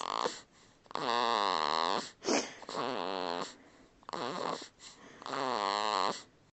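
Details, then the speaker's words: Sleeping peacefully in a sling, recorded on a Flip Video camcorder: repeated loud, buzzing, rattly snores on each breath over about four breath cycles, a relaxed sleep snore. "this is sleeping peacefully in his sling this is one of the very few places he will sleep peacefully and i just wanted to record for the noise the sound effects that he he makes during his most peaceful moments"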